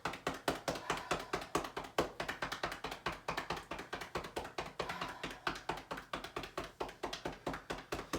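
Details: Chest percussion over the right lung only in a COVID-19 patient (day 23) with right lung pneumonia: rapid hollow claps, about 140 per minute, from cupped hands to loosen sputum.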